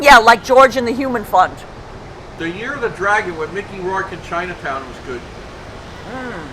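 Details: Adult speaker outdoors; ordinary speech.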